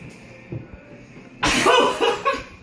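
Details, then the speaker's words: Adult sneezing fit right after taking a big whiff of strong chipotle pepper rub seasoning: a quiet lead-in, then a loud explosive burst with a short follow-on burst. These are sneezes, not coughs. "Oh my gosh. Those are sneezes, by the way, not coughs. Bless you."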